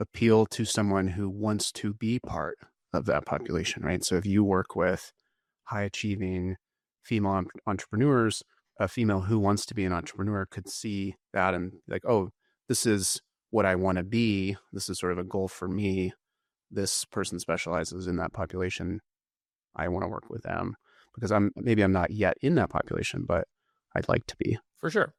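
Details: Adult male speaker; normal voice.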